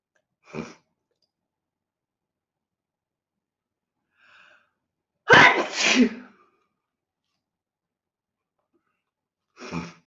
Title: Cute Girl Sneezing 2